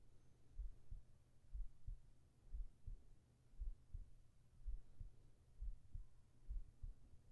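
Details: Muffled, regular heartbeat at about 60 beats a minute with a faint steady hum, in a sleep ASMR recording; normal heartbeat.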